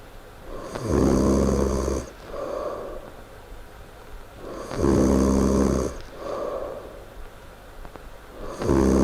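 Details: Heavy snoring during sleep: loud, rattling snores on each in-breath with softer out-breaths, about 15 breaths a minute.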